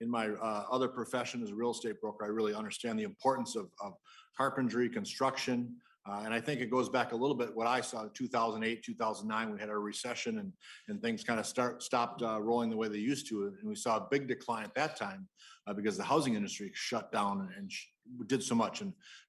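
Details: Adult male speaker; normal adult speech.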